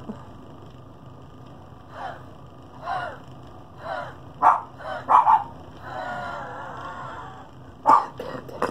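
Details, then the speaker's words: Woman with COPD on oxygen, awaiting double lung transplant, also with pulmonary hypertension, doing airway clearance with a vest: repeated forced breathy exhalations in a row over steady background hiss; huff coughing. "she doesn't like it when I start doing the huffing she gets a point for it now"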